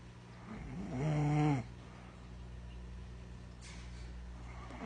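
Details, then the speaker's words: Adult woman snoring while asleep, recorded by her child: one loud, low, rattling inward snore, then quiet breathing in a still room. "Okay, right now I'm gonna do a video of my mom snoring, and you're gonna see. Okay, so you can hear her."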